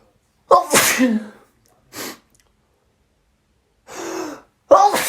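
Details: Person with a cold, evening of day 1, who sneezes all day with massive fits morning and evening: a voiced sneeze, breathy exhales, then a second sneeze starting; sneezing.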